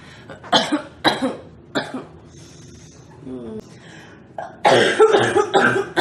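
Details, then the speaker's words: Girl coughing repeatedly with throat clearing and snorts, saying the coughing makes her hot and hard to breathe; cough. "All this coughing is [clears throat] making it really hot and hard to breathe."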